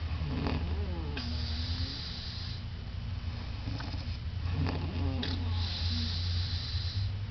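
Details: Whistling snore from a sleeping woman: low rumbling snores with thin steam-whistle-like tones on some breaths, over a steady low background hum.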